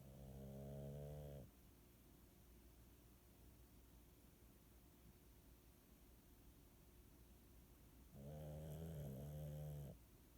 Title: Samson Snores